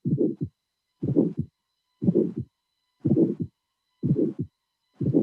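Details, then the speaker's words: Heart auscultation recording, regular rhythm near 61 a minute: low-frequency mitral closure then a high-frequency ejection click mimicking a split first sound, an ejection murmur, then the second sound, bicuspid aortic stenosis. "You can appreciate the fact that the first sound seems to be splitted, but this is not a splitted first sound. It's just the presence immediately after the low frequency sound that is due to the closure of the mitral valve, a high frequency sound that is the ejection click that is typical of aortic stenosis, and this w"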